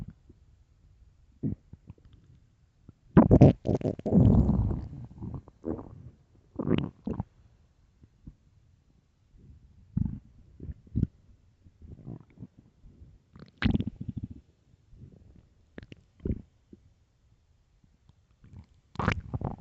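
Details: Extremely loud, deep stomach growls from an empty stomach: irregular gurgling and rumbling bursts from the belly; borborygmi.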